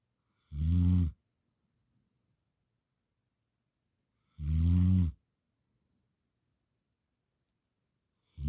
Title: Snoring Gamper Dog